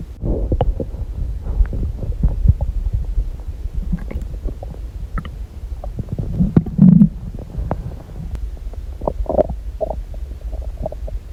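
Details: Irregular gurgles, low rumbles and churning from a person's belly; ordinary bowel sounds.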